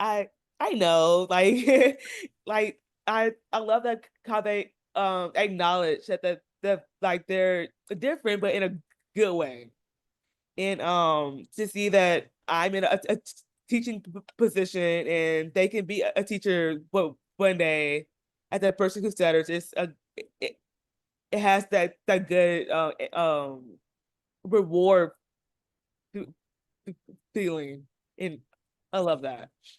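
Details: Stuttering in a female teacher who stutters.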